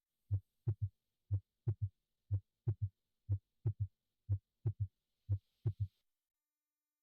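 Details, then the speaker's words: S3 gallop, heard with the stethoscope bell at the left ventricular apex: a regular heartbeat near 60 a minute with normal S1 and S2, followed by a soft S3 in early diastole. "And now I'll play you an example of a patient with a normal S1 and S2 followed by an S3 in early diastole."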